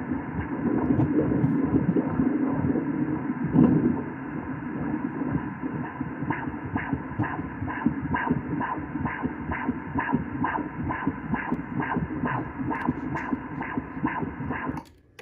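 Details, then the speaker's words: Fetal heartbeat on Doppler during a 3D/4D ultrasound at 29 weeks of pregnancy: rapid whooshing pulses, rate 135 per minute, judged good, under background music; normal fetal heartbeat. "and heart rate is uh it's 135 that is good okay cool"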